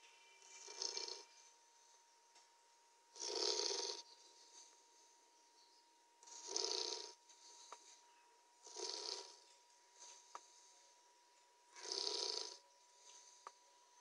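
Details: Sleeping 3-month-old Labrador puppy snoring: rhythmic raspy snores about 19 a minute with quiet pauses between, faint steady background hum.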